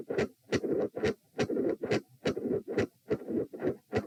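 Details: Recorded lying down while attempting a Valsalva manoeuvre: loud, bouncy midsystolic heart murmur, with varying patterns of three and four heart sounds provoked.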